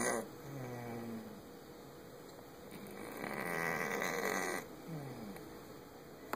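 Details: Sleeping after a vet visit: rhythmic rumbling snores with a raspy, fluttering quality over steady background hum; snoring.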